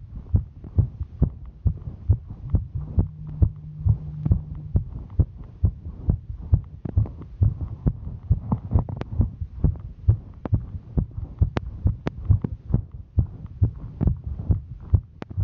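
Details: Female hiking: fast, regular, strong low heartbeat thumps at about 136 beats a minute; normal heart sounds sped up by exertion.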